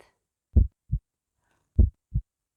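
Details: Stethoscope on the left chest, two regular lub-dub cycles at about 50 beats a minute; normal heart sounds in a children's educational demonstration.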